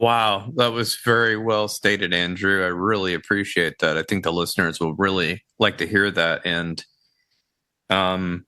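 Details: Adult male speaker; typical speech.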